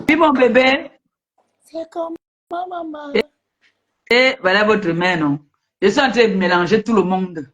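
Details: Adult speakers in a live-stream conversation; normal voice.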